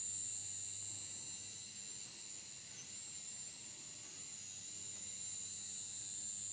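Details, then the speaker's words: Steady high-pitched whine with slight pitch changes from a diamond-tipped drill resecting part of the facet joint during full-endoscopic transforaminal spine surgery, cannula rotated to protect the exiting nerve root. "what kind of drill it's a diamond trim yeah this is a dime material diamond the tip is diamond yeah"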